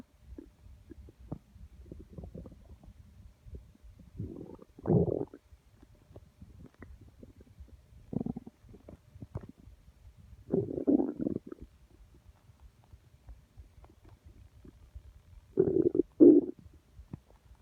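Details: Constant stomach growling the person could feel by hand: several short gurgling rumbles over a quiet background.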